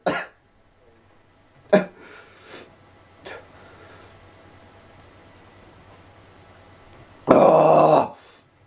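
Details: Three short sharp coughs, then a longer harsh throat-clearing burst, in a quiet room: irritant coughing after snorting pepper.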